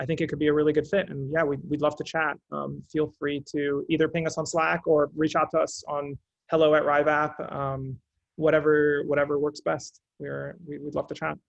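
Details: Adult male speaker; no disorder.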